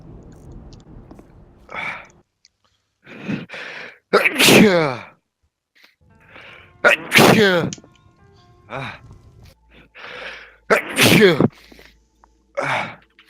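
Three loud, explosive sneezes in a row, each with a sharp inbreath before the burst.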